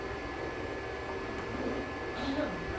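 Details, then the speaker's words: Amplified recording from the ear canal of a young woman with abundant spontaneous otoacoustic emissions: audible tones superimposed on background ear-canal noise. "So this is the sound recorded from the ear canal of a young woman. She's flooded with spontaneous otoacoustic emissions."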